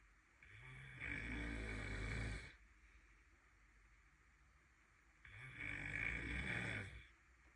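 Two long, loud, rattling snores several seconds apart, with quiet breathing between them; ordinary heavy snoring.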